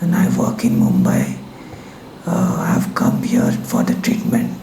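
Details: Unilateral vocal cord paralysis in a 35-year-old man, pre-therapy: right vocal cord paresis with phonatory gap, voice change for 23 days.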